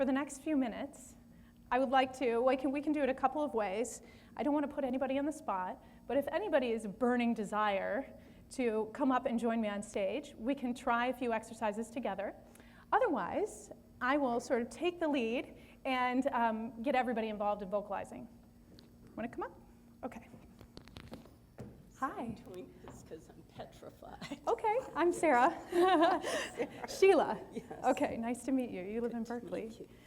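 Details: Adult woman speaking to an audience; typical voice.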